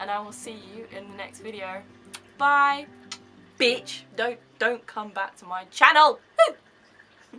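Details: Young woman with severe Tourette syndrome, involuntary movements and noises for seven years, not medicated for tics; vocal tics including shouted words, swearing, 'hey' and laughing; Tourette syndrome vocal tic (coprolalia).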